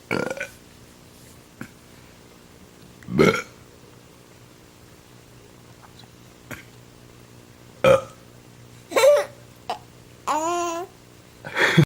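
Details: Several short burps with a baby boy giggling and cooing in between, in a quiet room with a steady low hum; burping.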